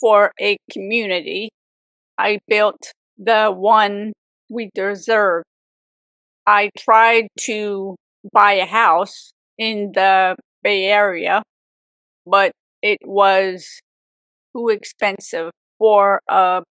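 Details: Aphasia in an adult woman, 18 years after a severe stroke at age 44 that also left apraxia; chronic post-stroke aphasia after years of speech therapy.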